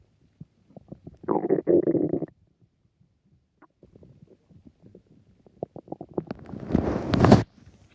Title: My stomach growling haha